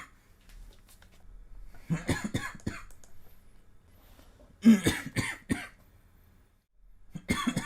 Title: 3minutes of coughing compilation